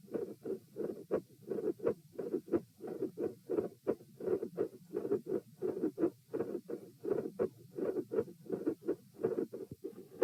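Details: Heart sounds recorded at position P with the subject sitting, from a same-subject comparison study: fixed splitting of S2 with extra heart sounds and clicks.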